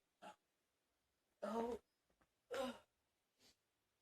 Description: Ten minutes of coughing.